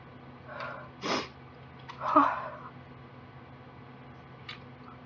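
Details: Girl with allergies sneezing after turning on a desktop computer: a sniff, then two loud, uncovered sneezes in close succession with a gasp between them, in a quiet room; part of an allergic sneezing fit.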